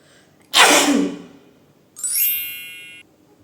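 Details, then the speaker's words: One forceful, explosive sneeze that trails off, then a bright chime: the first sneeze of a sneezing challenge aiming for 20 sneezes, induced by a large quantity of chili flakes. "And यह chilli flakes से मुझे 20 times sneeze लाना है पता नहीं कैसे हो पाएगा लेट्स ट्राई चिली फ्लेक्स से फर्स्ट टाइम तो स्नीज"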